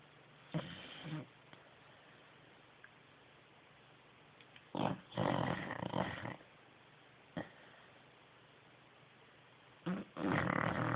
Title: 4 months old swissy pup Mandy still snoring